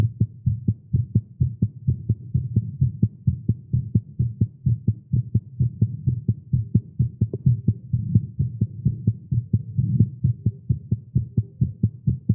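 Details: Male heartbeat recorded during exercise after caffeine: rapid, fairly steady thudding at about 130 beats a minute, a fast heart rate.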